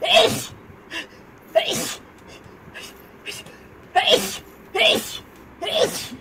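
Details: A girl's five sharp, explosive sneezes in about six seconds, with soft breaths and quiet sounds between them: rapid repeated sneezing.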